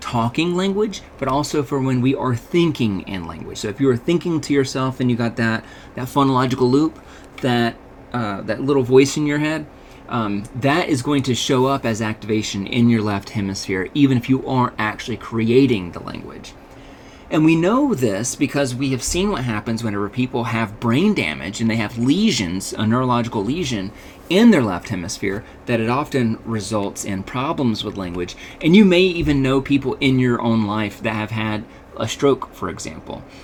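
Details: Adult male lecturer; normal speech.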